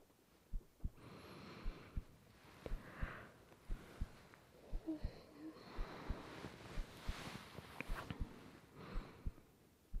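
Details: Simulated ASMR girlfriend-roleplay recording of a woman's own heartbeat in bed: a steady, soft lub-dub at about 60 beats a minute over rain hiss; normal heartbeat.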